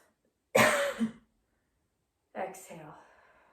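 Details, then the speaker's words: Demonstration by a person recovering from Covid: deep inhale, five-second hold, full exhale, big inhale and hold, then two short deliberate cough bursts with a pause between; a voluntary forced cough technique to loosen lower-lung congestion. "so let me give you a demonstration a nice deep inhale breath retain for five poor three two one full exhale big inhale and retain and cough"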